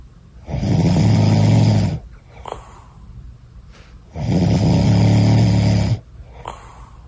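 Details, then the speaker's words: Very loud, deep, rattling snores on long inhaled breaths, about 15 breaths a minute, with softer exhales between; an adult man's heavy snoring, likened to Darth Vader sleeping. "it's like Darth Vader sleeping yes okay oh my God Shem I don't know if you're if you're horrified or jealous how you getting great sleep like that bro he does sound there's a moment in between the snores though you're right where it sounds like Darth Vader"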